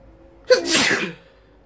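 A single loud sneeze: quick indrawn catch followed by a forceful, hissing burst of air.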